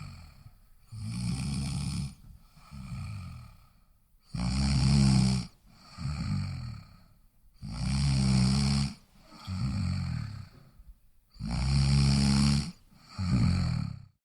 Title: Snore | Free sound